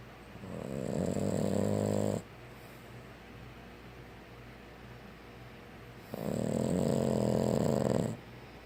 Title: Snoring Boston Terrier